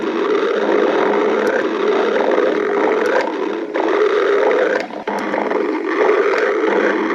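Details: Adult stomach growling (borborygmi): long, continuous low rumbling and gurgling from the abdomen.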